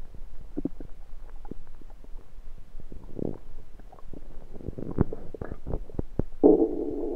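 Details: Bowel sounds of the recorder's own rumbling stomach, recorded with a USB stethoscope: continuous gurgling and bubbling with irregular pops and a brief louder growl.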